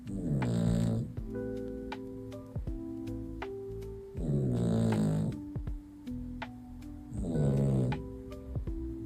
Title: POV Your Other Half Snores! #funnydogs #cute #doglife #snoring